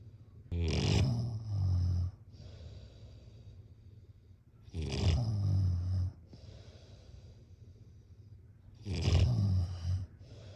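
Loud, rattling snores on each breath in, about three in ten seconds, with quieter breaths out between them.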